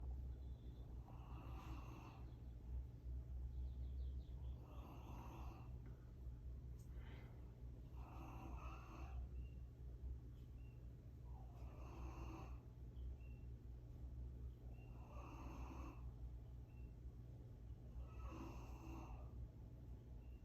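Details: Dog sleeping outdoors: faint, regular snoring breaths, about 18 per minute, under a steady outdoor rumble.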